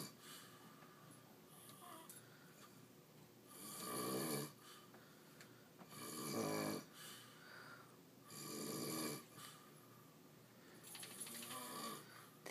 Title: He says he doesn't snore.